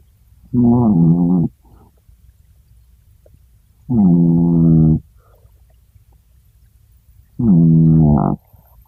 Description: Holden the Chihuahua sawing logs. How does such a tiny dog make so big a noise.